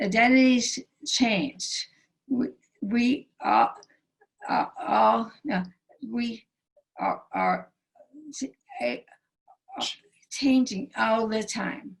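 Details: Aphasia in a female stroke survivor whose stroke initially took away all her speech; speaking remains difficult, with right arm and hand paralysis and a limp.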